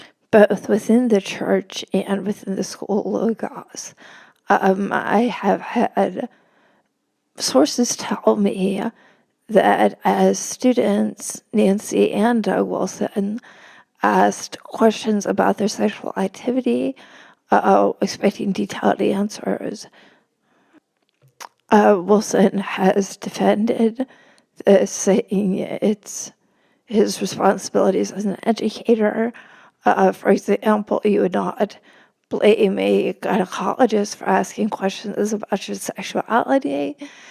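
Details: Woman with spasmodic dysphonia, which she notes can make her sound nervous though she is not, speaking as a podcast guest; spasmodic dysphonia.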